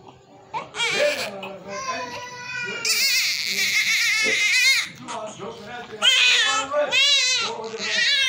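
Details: Newborn baby crying immediately after delivery: strong, high-pitched, wailing cries in repeated bursts, with quieter voices and room noise behind. This is a vigorous cry right after birth.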